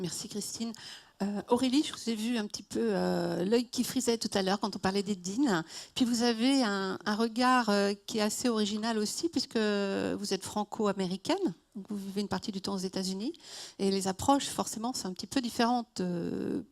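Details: Adult woman speaking French; normal voice.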